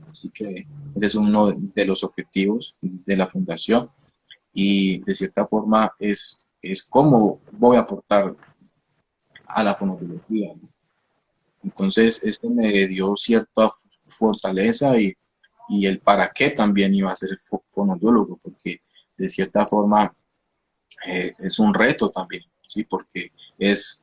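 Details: 29-year-old man, a speech-language pathologist who stutters; onset at age 13, linked to emotional upheaval around a hospitalization, with a genetic component since his father also stutters; stuttering.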